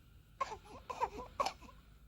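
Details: Newborn baby with whooping cough (pertussis) gives three short, strained cough-like bursts with a cry-like tone during coughing spasms.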